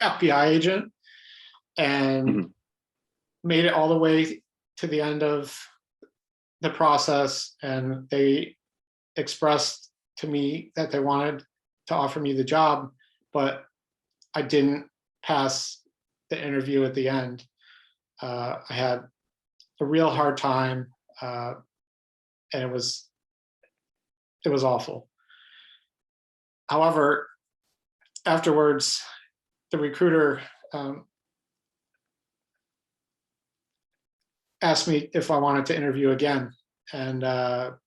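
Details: Adult man who stutters, with a pattern described as mostly blocks: stuttering (blocks).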